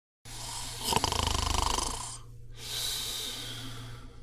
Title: Snoring sound